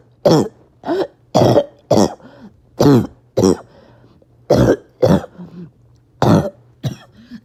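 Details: Repeated harsh, barking cough bursts in clusters, about nine coughs, with wheezy breaths between them, after a bad 48 hours: a barking, wheezing cough.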